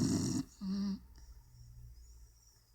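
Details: Beagle Leo snoring asleep with his tongue sticking out: a rough low rattling snore, then a short humming tone on exhalation, fading into quiet breathing.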